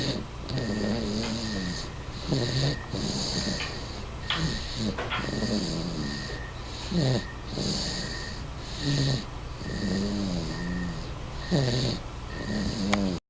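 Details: Sleeping 7-month-old puppy: rhythmic nasal snores with snorting, whistling breaths, about 13 breaths a minute, over steady background hum; snoring.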